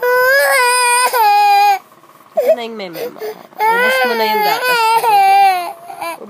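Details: An infant cries in high-pitched bursts with a short pause and whimpering, then renewed loud wailing, while the mother tries to soothe the baby and milk is mentioned.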